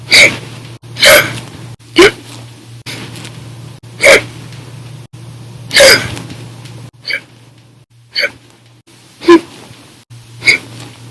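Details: Sharp, abrupt hiccups from a person after drinking soda after dinner, in bouts lasting hours; about ten in eleven seconds, some loud and some faint, over a low steady hum: frequent, forceful hiccups.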